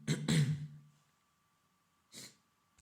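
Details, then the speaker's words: Two rough acted throat-clearing bursts with a low rasp, then a softer breath, from a man with a beginning cold who was sniffling and blamed his sore throat on spicy food; throat clearing. "we came back to the room and we started to eat he was sniffing the whole time and then he cleared his"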